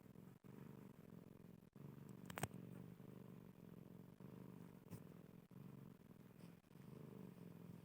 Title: BEGINI SUARA KUCING MENDENGKUR